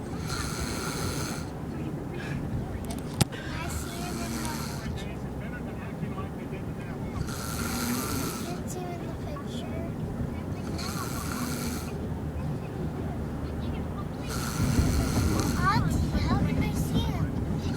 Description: little brother snoring